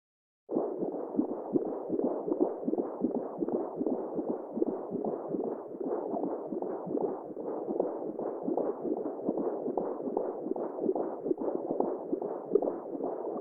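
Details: Fetal heartbeat: rapid, steady whooshing pulses, like a heartbeat picked up on a Doppler monitor.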